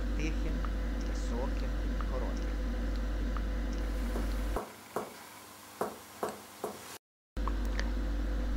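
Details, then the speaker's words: Dull percussion note from finger percussion over an airless organ such as the liver: five short, high, quickly fading thud-like notes. "dull percussion tone is produced during the percussion of absolute Aller organs for example the liver this tone is High short and th-like"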